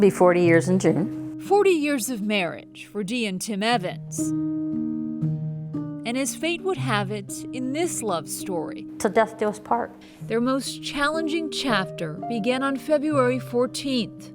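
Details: Adult female reporter; Typical speech.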